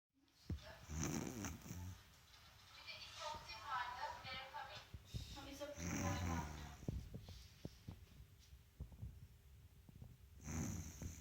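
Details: Sleeping dog snoring: rough, rattling snores with each breath, with faint clicks and room noise between them.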